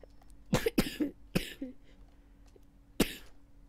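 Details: Four short dry coughs, three in a quick cluster and one after a pause, over low room hum, during gameplay commentary; coughing.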